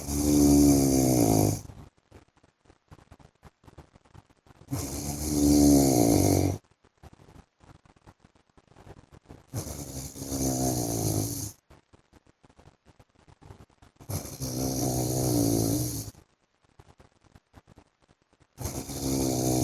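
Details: Loud, regular rumbling snores on each breath in, about 13 breaths a minute, with quiet pauses between, from a sleeping husband; snoring.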